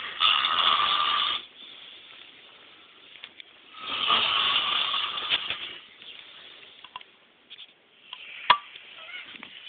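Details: Two loud, harsh, rattling snores on inhalation about four seconds apart, with quieter breathing and faint room noise between them: heavy snoring from a sleeping man.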